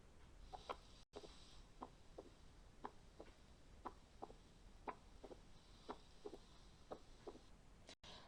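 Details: Accentuated first heart sound in a pediatric cardiology teaching recording: steady rhythm near 58 per minute, S1 louder and sharper than a normal S1 in each beat.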